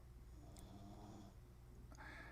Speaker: if you hear that noise it's a dog snoring